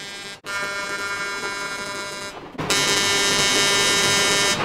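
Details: CO2 fractional laser handpiece firing in normal mode during a machine test demonstration: steady loud electric buzz that cuts out briefly and returns louder.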